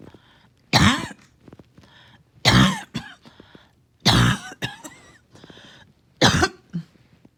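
Four harsh, forceful cough bursts about two seconds apart, each followed by a short catch of breath; a repeated coughing fit.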